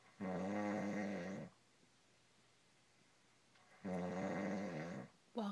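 Loud, rattling, low-pitched snores on each breath in, roughly every four seconds, with quiet pauses between.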